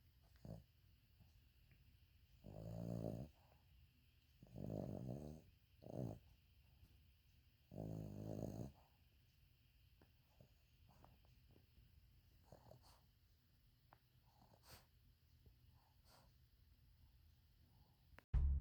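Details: Sleeping subject recorded on 2020-01-12: four low, rattling snores a couple of seconds apart, then quiet breathing in a still room. Snoring.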